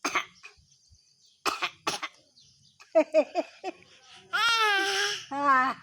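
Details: Young child imitating and learning to cough, during the COVID-19 pandemic: several short, imitated voluntary coughs, then voiced, playful vocal sounds.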